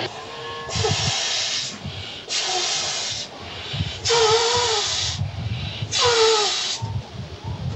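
Rhythmic bursts of rushing air, about 32 a minute, from a prototype ventilator cycling, with music in the background.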